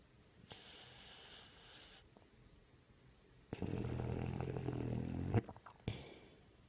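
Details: A hissing breath out, then a loud, rough, rattling snore on the in-breath, ending in a snort: snoring in a sleeping dog.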